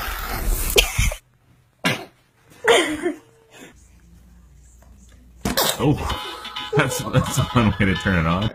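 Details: Small, quick baby sneezes followed by laughter and lively voices over background music; infant sneezing.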